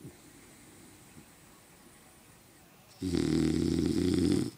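Quiet breathing, then a loud, rattling snore on the in-breath lasting about a second and a half.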